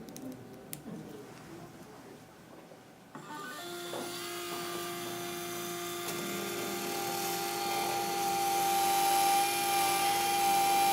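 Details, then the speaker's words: Dental implant site drilling with a 3.0 mm diameter twist drill to 13 mm depth, for a 3.75 x 13 mm C1 MIS implant: steady high-pitched whine of the surgical drill, rising slightly, with faint room noise before it starts. "next up is the 3.0 millimeter diameter twist drill"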